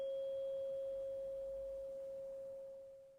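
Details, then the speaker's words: Simulated ASMR cranial nerve exam, Rinne test: a steady, pure tuning-fork tone held in front of the right ear (air conduction) slowly fades, then a brief voiced sound. "and then I'm going to move the tuning fork round to in front of your ear yeah and I want you to tell me if you can hear it again"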